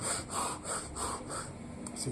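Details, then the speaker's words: Imitated continuous machinery murmur of patent ductus arteriosus, as auscultated in a newborn, possibly premature, sometimes confused with the baby's breathing: rhythmic whooshing rising and falling about three times a second. "Eso quiere decir que es un soplo en maquinaria que es un una persistencia del conducto arterioso que es una comunicación entre la arteria orta y la arteria pulmonar"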